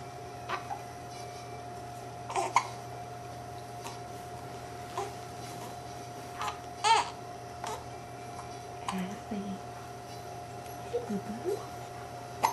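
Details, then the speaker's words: Baby girl with hiccups, recently fed: small, abrupt catches in the breath every second or two, with soft baby sounds over steady room hum; infant hiccups. "Hiccups are so unfun. Got those hiccups. She's bad."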